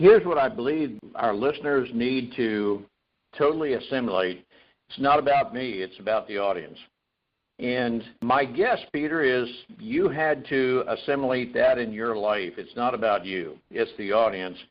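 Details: Adult male speaker; Normal fluent speech.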